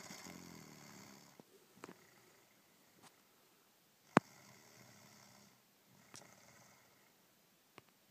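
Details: Snoring: soft, rough, rattly breathing noises repeat every few seconds with quiet gaps and a few sharp clicks, heard in a small room.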